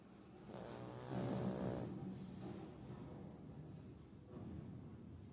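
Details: Snoring in sleep: a loud rough in-breath snore, then quieter noisy breathing and a softer second snore.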